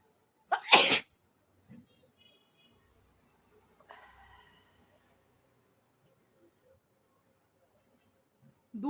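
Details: Sneezing and nose-blowing challenge using grass: a single loud sneeze, then a short nasal blow and quiet room sounds.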